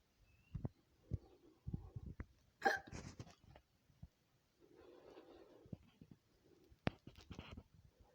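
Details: A woman's own hiccups, edited into a compilation: a series of sudden, sharp, gulping hiccups, some with a small voiced squeak, with short breathy pauses between them.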